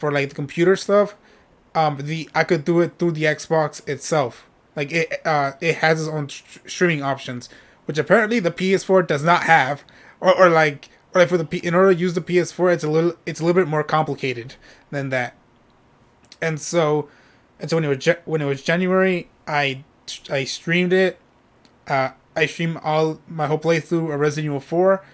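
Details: Adult male who states he stutters when speaking and often repeats himself; stuttering.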